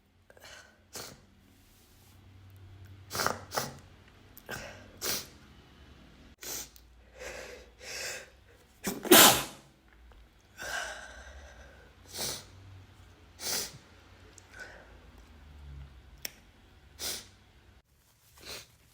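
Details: Male sneeze compilation: a run of about a dozen separate sneezes, some preceded by a short inward gasp, with quiet breaths between them.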